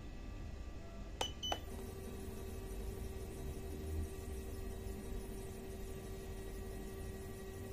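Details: SP1 syringe pump being operated: two short keypad beeps, then a faint steady motor hum in a quiet room.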